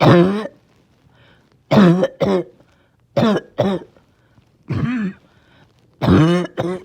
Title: Barking Cough (trying not to choke)